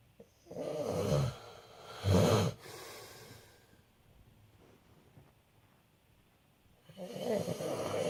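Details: Low rattling snores on inhalation with quiet pauses between breaths from a man (father) snoring during sleep.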